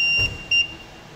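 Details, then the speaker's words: Two short high-pitched electronic beeps from an LTV 1200 portable ventilator powering up, after holding select and pressing on/standby, the start-up alarm before the vent check function test. "it will power up say remove patient we hit the silence button and it will say vent check"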